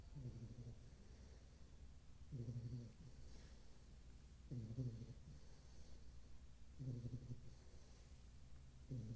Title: bullmasiff snoring 😴😴#bullmastiff #bullmastiffpuppy #doglovers